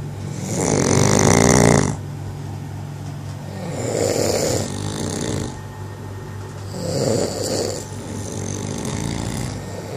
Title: Most horrible snoring